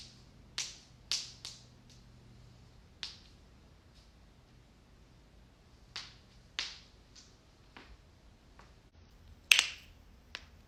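About a dozen sharp, dry pops at irregular intervals, fitting joints being cracked.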